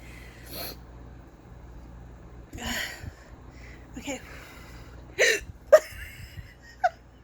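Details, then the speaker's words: Person who normally rarely hiccups, in an unusually long bout, reporting aching arms: several short, abrupt catch sounds at irregular intervals over light room noise; hiccups (singultus). "I used to be really jealous of people who I can't hiccupping like this I just still I don't normally do this"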